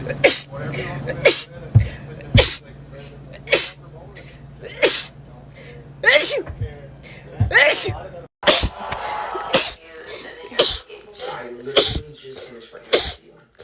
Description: Short compilation of rapid sneezes